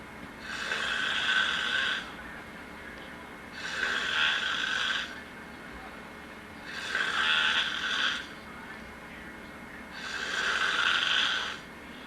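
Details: Steady rattling snores on each breath, about 19 a minute, with quiet pauses between, from a relative sleeping on a couch; snoring.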